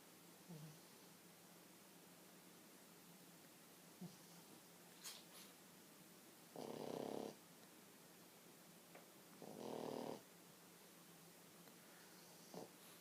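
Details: Sleeping French bulldog lying on its owner's legs, snoring: two loud, rough snoring breaths about three seconds apart, with quieter breathing between; snoring.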